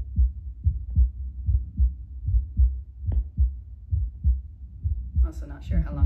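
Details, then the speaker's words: Regular heartbeat with clear lub-dub pairs, about 74 per minute, heard through a Bluetooth Littmann CORE stethoscope on an adult about two minutes after drinking espresso; rate largely unchanged from baseline 70–75, beating slightly stronger. "Just like listening per minute doesn't seem to have changed too much. Sounds like my heart's just beating a little bit stronger."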